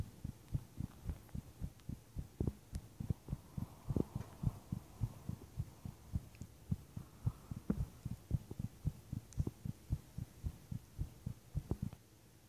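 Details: Person's heart pounding while lying in bed at night for unknown reason, recorded with visible heartbeat: strong, quick, steady heart thumps throughout over a faint low hum; forceful pounding heartbeat.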